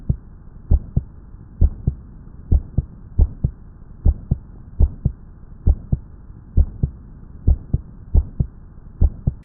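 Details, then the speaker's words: Normal heart sounds taught by a pediatric cardiologist: steady lub-dub at about 67 beats per minute, single second heart sound as aortic and pulmonic valves close together, no murmur. "In a healthy individual, the aortic and pulmonic valves typically close simultaneously."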